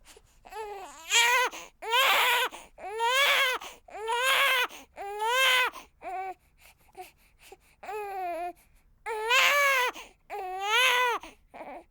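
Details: A one-week-old baby girl, recorded on a ZOOM F8n with a Sennheiser MKH416 microphone: rhythmic newborn crying in repeated wails with short breaths between, about nine cry bursts in twelve seconds.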